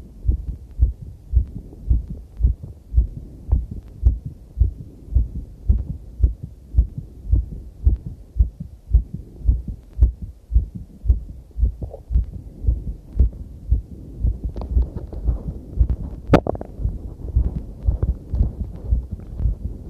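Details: Own heartbeat recorded during a cycle ride: rapid, regular beat at about 110 a minute with rubbing noise, clipping and heavy noise; skipped beats may be present but are drowned in the noise.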